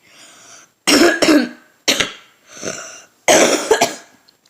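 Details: Young person who is getting a cold, with a hoarse voice, gives several short, harsh cough bursts mixed with throat clearing in a quiet room.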